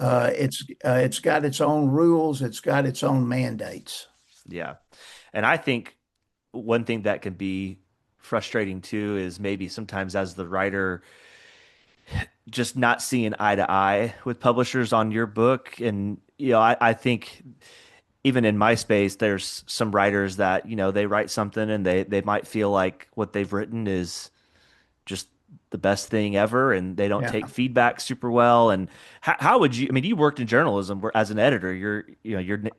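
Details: Adult man, conversational podcast speech; typical speech.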